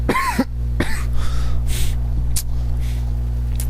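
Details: Sick boy with a dry cough: several short dry coughs with strained voicing over a loud steady hum, interrupting his talk.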